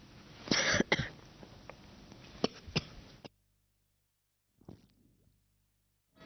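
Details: A news presenter has a coughing fit live on air: several sharp, forceful coughs in a quick cluster, then silence and a faint trailing cough.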